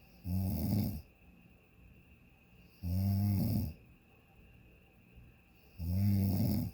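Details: Adult snoring recorded at bedtime around 12:37 a.m. in a hotel on vacation: three deep, rattling snores on inhaled breaths, about 21 a minute, with quiet exhalations between, continuous like a freight train; ordinary snoring.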